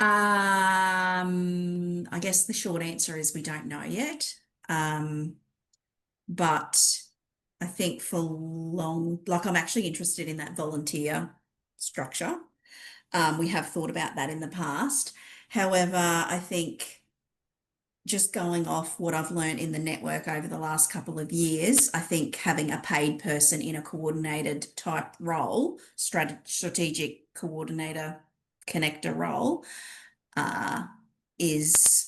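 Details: Adult woman speaking; normal voice.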